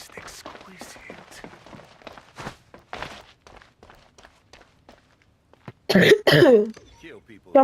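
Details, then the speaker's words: Gamer who says he is a bit sick and hoarse coughs while playing a video game on PS5; cough. "peu malade donc c'est normal que des fois je tousse. Et oui, j'ai la voix cassée."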